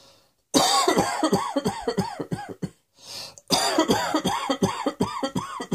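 Two long runs of rapid, forceful coughs, roughly twenty bursts in all, separated by a brief breath in.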